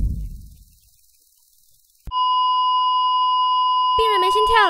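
Continuous steady alarm tone from a heart monitor, a flatline signalling no heartbeat, in a dramatized scene.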